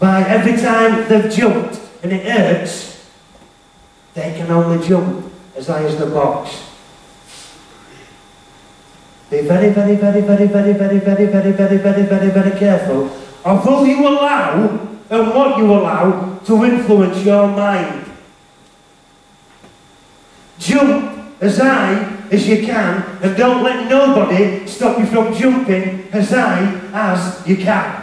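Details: Stuttering in an adult male motivational speaker who says he has a stutter and was referred to a speech therapist.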